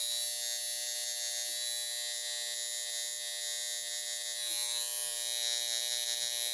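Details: High frequency facial device on a higher-than-usual setting, tapped on individual noticeable pimples to treat them; steady electric buzz with rapid pulsing and a high whine.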